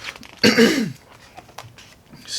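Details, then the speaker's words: A single forceful, voiced throat-clearing burst from an adult, about half a second long, in a quiet room; the speaker then apologizes that their voice is scratchy today. "me sorry my voice is a little scratchy today"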